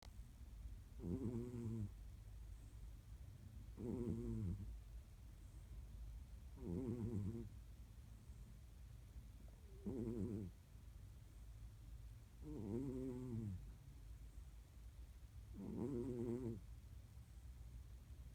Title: Snoring Shmoo